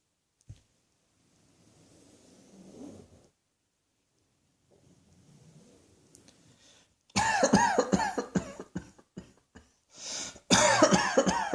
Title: Cross Dressing Coughing 130